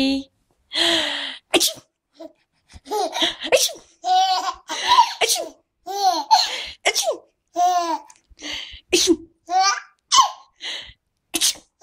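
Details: Mobile phone recording of an adult's short, sharp, repeated sneeze bursts, each followed by an infant's bright giggles.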